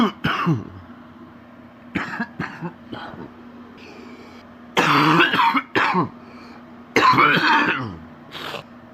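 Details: Adult man sick with a very stuffy nose: repeated deep, rattly wet productive coughs with throat clearing, including two longer forceful bursts.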